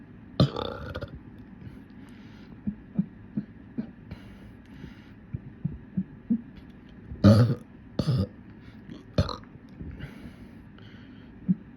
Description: Heya, I finally found the courage to make a longer burping video. It’s full of really bubbly ones that made my tummy feel funny, hope you all like em.